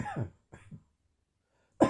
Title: Intermittent Post-Viral Coughing